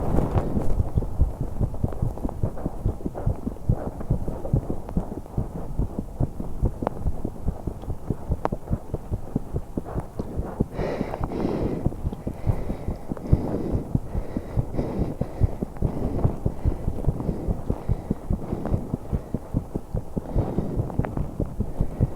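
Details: 21-year-old woman holding her breath for a few seconds during exercise: fast, closely spaced heartbeats with brief breathing noises, rapid heart rate of exertion.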